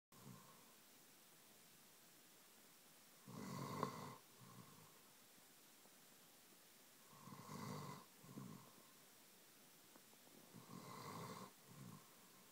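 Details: Three rough, rattling inhaled snores, each followed by a softer out-breath, about 15 breaths a minute in a quiet room, from a year-and-a-half-old German shepherd sleeping on a lap; snoring.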